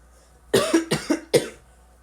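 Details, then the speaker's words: A child who is currently sick, with an altered voice, has a brief coughing bout of four or five short, sharp coughs close together in a quiet room. "little sick right now that's why my voice sounds like this which I hate it a little off not really off so I might be coughing a little bit during this video"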